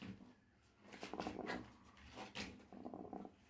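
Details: A sick rooster with a flu-like respiratory illness, the most endangered of the birds being treated, makes rough, rattling, snore-like breathing noises (respiratory rales).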